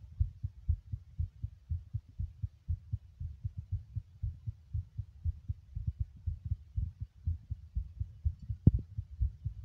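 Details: Adult male heartbeat recorded while smoking: a regular low thumping beat at roughly 120 beats a minute, fast but steady.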